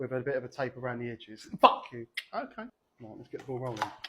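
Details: Adult male speaker; Vocal tic (coprolalia) in Tourette syndrome.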